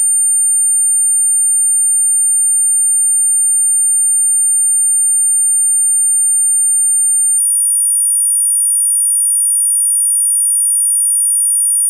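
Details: Audiology pure-tone hearing test tones played from low to high pitch, each for 8 seconds at constant loudness: a steady, very high-pitched tone shifting slightly higher partway through.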